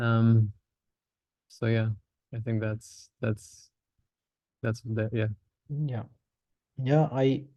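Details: Stuttering (stammering) in a male participant in a stammering-association online practice group who says he openly discloses his stammer and uses voluntary stammering.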